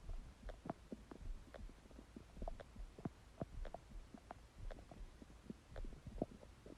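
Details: Empty stomach growling: frequent irregular gurgles and low rumbles; ordinary borborygmi.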